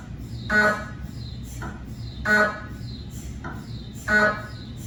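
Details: Cardiac MRI gradient noise from a GE 3T scanner with 8-channel cardiac coil scanning test phantoms: loud rhythmic electronic beeping and buzzing pulses about every two seconds over steady hum.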